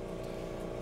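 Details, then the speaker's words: Steady low mechanical hum of a suction abortion machine motor running during a power demonstration. Its curette tubing is placed on a steel paint-thinner can, not on a patient. "tube is connected over to the suction machine which you can probably hear in the background"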